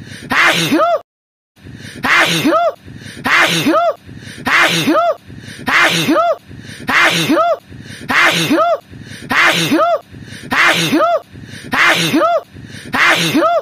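The same loud sneeze repeats over and over at about 50 per minute, looped, with an audible high-pitched voiced ending on each.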